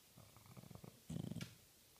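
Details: Bulldog asleep on a couch: short, low, fluttering snore sounds, a soft rattle followed by a louder snorting burst; snoring.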